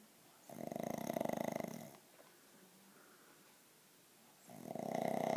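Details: Snoring during sleep: soft, buzzing, fluttering snores with quieter pauses between breaths, a vibrating airway noise.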